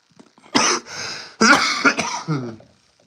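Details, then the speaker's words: Adult who is still sick with a common cold, talking while unwell: a short run of three to four harsh, hacking coughs trailing into a throat clear. "I'm sorry if you hear me coughing or wheezing or whatever but yeah man I'm just I'm still I'm still sick I'm still sick guys I'm still sick"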